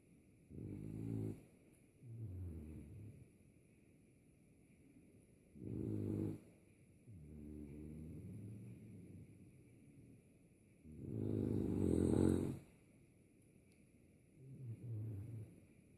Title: Frenchie, Tazzy, Off-switch Snore 01-12-18